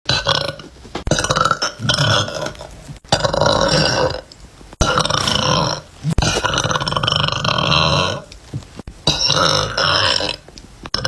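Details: Compilation of women and girls burping: several long, loud, rumbling belches in succession with brief pauses; repeated burping.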